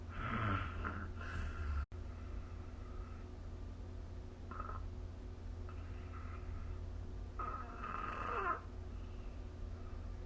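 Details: Snoring during sleep: several rough, rattling snores over a steady low background hum, each on a breath.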